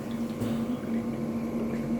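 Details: Oxygen concentrator set to 4 L/min: steady low bubbling and gurgling from water in the oxygen humidifier bottle.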